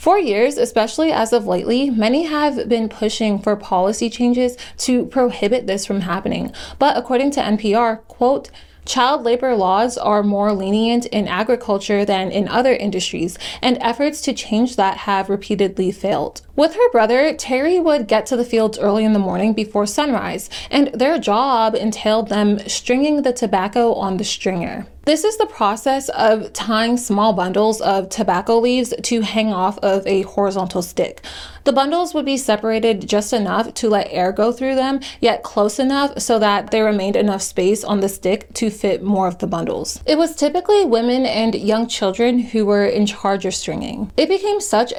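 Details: Adult female narrator; normal speech.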